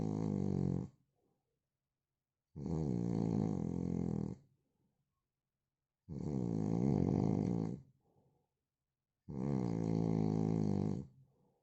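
Loud, long, buzzing snores about every three seconds, each lasting well over a second, with silence between: heavy snoring.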